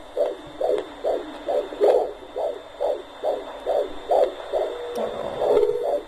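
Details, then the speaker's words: Rapid, regular whooshing fetal heartbeat at about 140 beats a minute, heard on Doppler at 18 weeks of pregnancy; fetal heartbeat on Doppler. "now there you go guys my baby's heartbeat so lovely"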